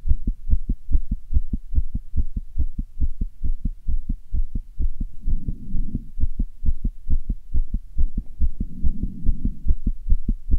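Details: Self-recorded fast heartbeat: rapid, regular low thumping at about 140 beats a minute with a soft whooshing hum, the valves heard opening and closing quickly; tachycardia.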